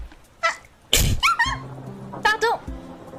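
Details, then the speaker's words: One explosive sneeze, then a few short voiced sounds and brief background music; the person then says they sneezed and apologizes. "éternué oui j'ai éternué vous avez entendu pardon excuse-moi"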